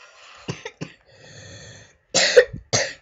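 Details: Several short, harsh cough bursts in quick succession with throat-clearing between them, from a gamer recording a Portal playthrough; repeated dry-sounding cough.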